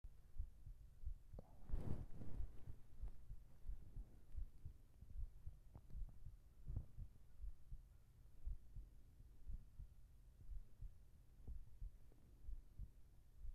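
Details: Heartbeat recording for sleep ASMR with whispered voice: soft, muffled, regular low thumps under faint room hiss; normal heartbeat.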